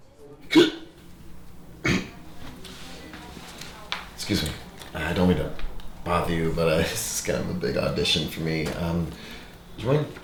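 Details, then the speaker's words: Acted, simulated hiccups in a comedy sketch: sharp, abrupt throat catches between bits of speech in a small room. "Help me get rid of my hiccups? Scaring you? Yeah, I heard if you scare someone, it gets rid of their hiccups."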